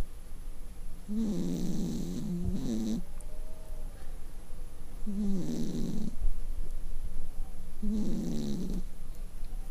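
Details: Cat snoring like a human: three rough buzzing snores about every three seconds over a steady low room hum; snoring.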